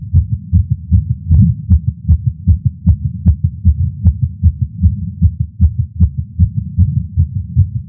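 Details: Adult male's heartbeat via Stemoscope while smoking a cigar after not smoking for a while, feeling lightheaded: rapid, regular heartbeat at about 150 beats a minute; tachycardia after nicotine.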